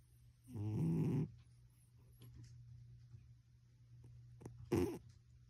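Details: Loud snoring from a cat.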